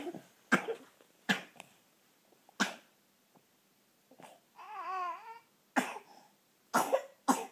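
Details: Coughing spasm of unknown cause (owner asks what is causing it): a series of sharp coughs in a quiet room, with a short whimpering vocal sound between bursts; paroxysmal cough.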